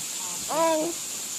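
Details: 3-year-old boy with severe verbal apraxia, prompted by his mother, producing word approximations; childhood apraxia of speech.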